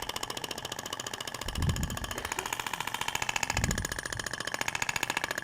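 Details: Thork shockwave therapy applicator firing continuous rapid, steady mechanical pulses while moved back and forth over a patient's abdomen, avoiding the rib tips, during a practical demonstration; soft room noise.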